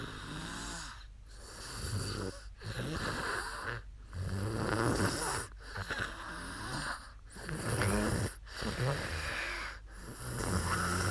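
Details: Woman snoring after falling asleep during a live stream: loud rattling snores on each breath, about seven in eleven seconds, somewhat uneven; ordinary heavy snoring.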